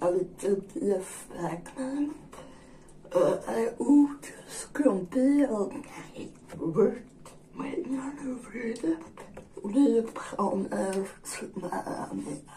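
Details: Woman with generalized dystonia, disabled since at least her high-school years; dysarthria with generalized dystonia.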